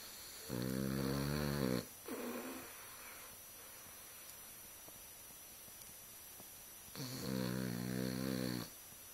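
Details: Boston Terrier snoring with eye open: two long, loud, rough snoring breaths a few seconds apart, with a softer snort between, in a quiet room.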